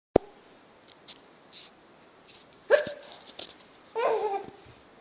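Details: Adult mother's hiccups: one sharp sudden hiccup near the start, followed by a few soft sounds and bursts of a young child's laughter.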